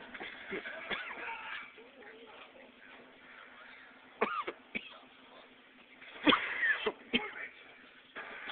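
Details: Coughing while drinking diet Vernors with a Life Saver candy.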